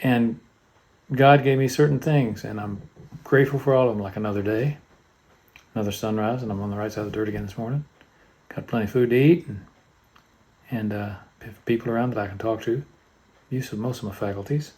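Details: Hypokinetic dysarthria (Parkinsonian speech) in a man with Parkinson's disease diagnosed at age 54 in 2018, treated with DBS surgery; his neurologist called his voice flat, without inflection, low in volume, whispery and hard to understand.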